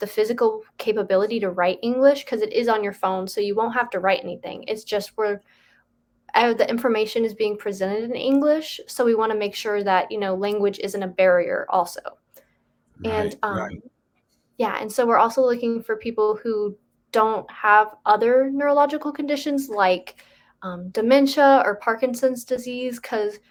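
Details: Adult woman speaking; normal speech.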